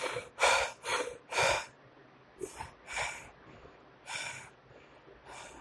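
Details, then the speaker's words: Imitated Cheyne-Stokes breathing in a nursing lecture: quick audible breaths gradually rising in rate and depth to a climax, then falling and stopping, with the cycle repeated; noted as seen in dying patients. "और बंद, धीरे धीरे rate ज्यादा, depth ज्यादा, और climax तक पहुंचने के बाद फिर रेट कम, डेप्थ कम, और उसके बाद में स्टॉप। Same cycle repeated. ये कौन सा है, काइनेटिक स्टॉक रेस्पिरेशन।"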